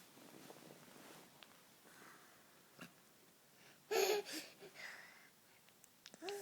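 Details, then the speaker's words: Young boy sneezing; parent hopes he is not getting sick with the change of season: one short, sharp sneeze with a few small sniffs after. "What a cer sneeze bl you Buddy I hope we're not Getting sick"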